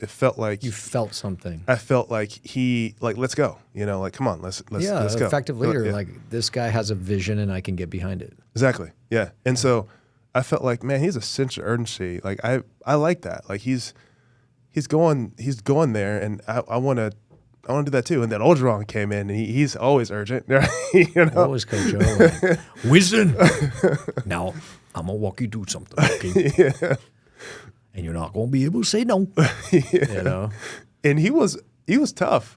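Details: Adult male former professional football player with a stutter since childhood, described as really bad growing up, always worked on and still present now, with a struggle communicating verbally; stuttering.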